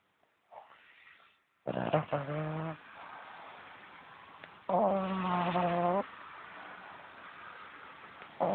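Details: A 4-month-old snoring in the morning, recorded on a low-quality mobile phone: two long, buzzing, rattly snores with quiet breathing between them.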